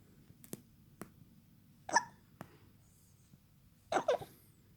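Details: Hiccups in a 3-month-old baby boy: two short, sharp hiccup sounds with soft clicks and breathing noise between them, in a quiet room.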